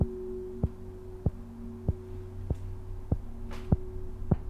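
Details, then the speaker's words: Sharp, regular metallic clicks at about 97 per minute from the mechanical heart valve of a 26-year-old man, audible from a couple of meters away, after bacterial infection of his valve. "that heartbeat is now the soundtrack to life for matt johnson and partner taylor it's been fast now what you can hear isn't a television sound effect it's audible from a couple of meters away"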